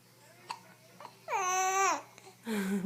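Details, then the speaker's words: Brief soft clicking hiccups from a 7-week-old baby girl, with a short cooing cry and an adult voice nearby. "what is it you don't like those hiccups huh you don't like them tell I know tell them to go away"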